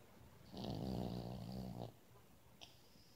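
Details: 8-year-old Yorkshire terrier snoring in sleep: a single deep, rattling snore lasting over a second in a quiet room.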